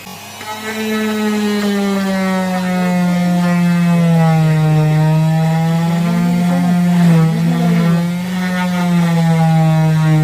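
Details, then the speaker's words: Oscillating cast saw cutting a modern plaster cast off the leg, steady loud motor whine dipping in pitch under resistance; the patient reports the blade heating and slightly scraping the skin, causing pain. "ते machine स्किनसाठी घातक नव्हतं पण तरीसुद्धा ते machine पायाला लागून लागून स्किन माझी थोडीशी सोलवटत होती आणि त्याच्यामुळे मला थोड्या वेदना होत होत्या."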